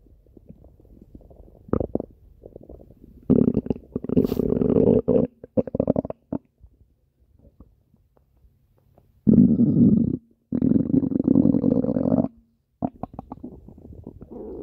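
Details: Pet rabbit belly sounds: bursts of gurgling, rumbling gut sounds separated by quiet gaps; ordinary normal bowel sounds.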